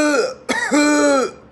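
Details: Imitated COPD cough in a teaching demonstration: a sharp burst, then a drawn-out voiced expiratory sound, reflecting obstruction to airflow in the expiratory phase.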